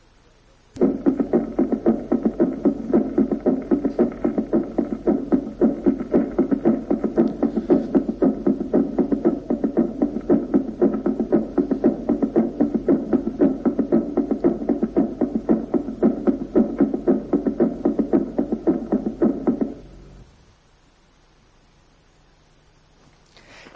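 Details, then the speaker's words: Mitral regurgitation, large regurgitation with important rapid filling: left-sided third heart sound (protodiastolic gallop), not by itself indicating left ventricular failure. "cuando la regurgitación es grande y el llenado rápido importante se oye también un tercer ruido izquierdo como galope producto diastólico que no indique insuficiencia del ventrículo izquierdo salvo que se haya agregado el fallo de bomba escuchémoslos"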